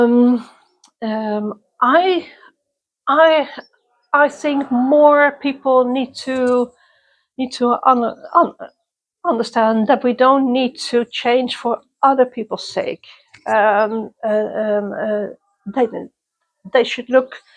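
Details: Person who stutters, interviewed at a youth exchange for people who stutter or clutter; part-word and word repetitions; stuttering.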